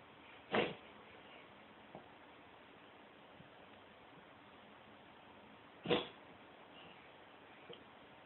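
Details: Two short, sharp expulsive bursts about five seconds apart in a quiet room: a cat coughing.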